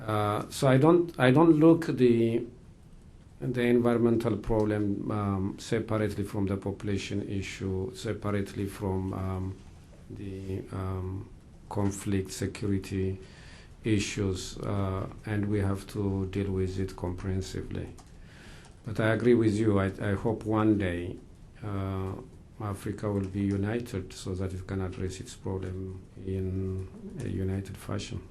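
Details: Adult man speaking; normal speech.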